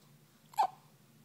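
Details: Infant under one month old with hiccups: a single short, sharp hiccup catch of breath against quiet room noise.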